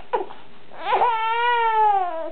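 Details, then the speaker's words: Baby girl upset during modified tummy time, screaming hard; brief fussing, then a sustained wailing infant cry in a quiet room. "and then I think she realized that she got tricked into this modified tummy time still screaming bloody murder"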